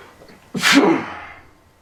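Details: Sneezing from allergies; a single loud, explosive sneeze with a sharp onset and a short fading tail.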